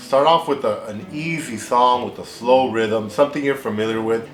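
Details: Adult male speaker; Normal speech.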